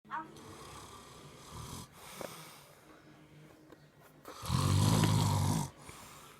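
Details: Ape snoring in sleep: soft breathing noises, then one loud, deep rumbling snore on an in-breath, with faint room noise.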